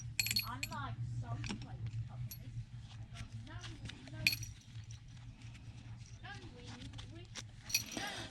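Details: Child with complex needs heard in the background repeating fixated phrases, such as an advert, about 400 times a day; this is described as a common autistic trait; echolalia.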